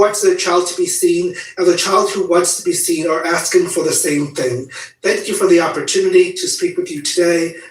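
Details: Adult speaker; normal voice.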